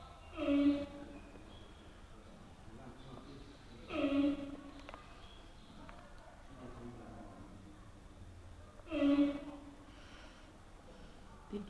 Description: We noticed this weird noise coming from one of our panda enclosures...what we found was our panda fast asleep and snoring